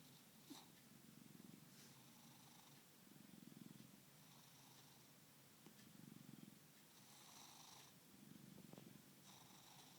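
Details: Resting cat snoring and purring while asleep: soft, rhythmic purring with a light snore on each breath, about four breaths in ten seconds.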